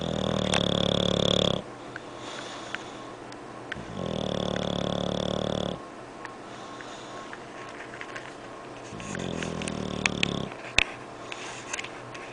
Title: MY ENGLISH BULLBOG SNORING